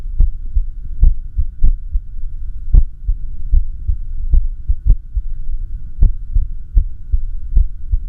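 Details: Echocardiography recording of the uploader's own heart during arrhythmia: low heart thumps with clearly uneven spacing, some early and some delayed, over a steady machine hum, an irregular heartbeat.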